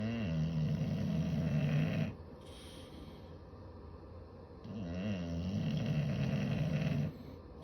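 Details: Two bulldogs sleeping after a long day, enjoying family cuddles; loud, low, rattling snores, two long inhaled snores with quiet pauses between.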